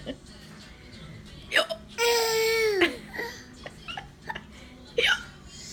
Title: Funny hiccups